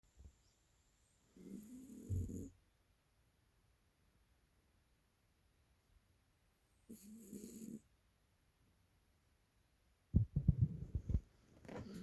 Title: Cute Puppy Sherry Snoring